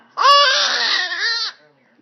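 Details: Baby during a long run of sneezes, with one seemingly stuck: single loud, high-pitched sustained yell-cry lasting about a second and a half; infant crying out.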